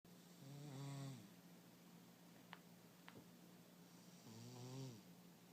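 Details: Sabby, a pet cat, snoring while napping: soft, buzzing snores repeating about every four seconds over a steady low room hum. Harmless sleep snoring.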